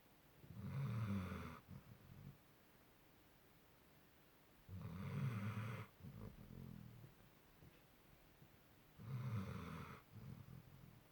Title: dog snoring like a human! It's taking over the bed